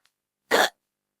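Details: Animated character (Pencil) with an AI-generated voice in a kindergarten class scene: one short, abrupt voiced gulp with silence around it; hiccup.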